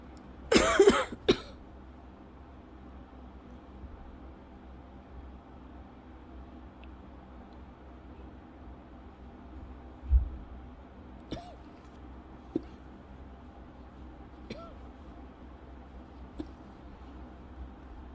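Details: Persistent cough more than a month after illness with a scratchy throat, fits up to 30+ minutes about 8 times daily; a short burst of harsh coughs, then a single cough, in a more bearable fit not triggering asthma cough; worse fits come at night.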